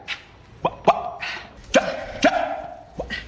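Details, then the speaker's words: Acted simple vocal tics of Tourette syndrome (simulated, film dramatization) by an adult male teacher character: sudden short bark-like yelps and throat noises at irregular moments during conversation. "sorry but how can you expect kids to learn when you're doing that all the time"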